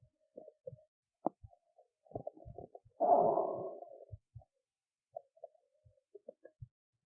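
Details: Belly sounds after a skipped lunch, with hunger: soft gurgles and clicks with one longer rolling rumble. Stomach rumbling from hunger (borborygmi), an ordinary bowel sound.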